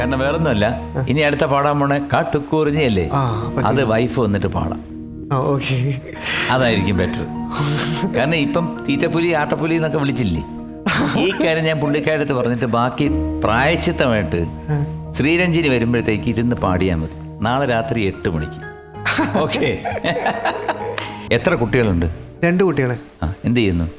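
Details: Adult male talk show host in conversation; normal speech.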